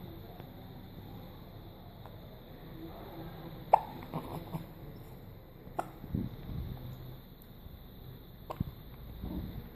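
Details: Newborn just hours after birth with hiccups: three short, sharp hiccups about two to three seconds apart, with soft infant noises between; newborn hiccups.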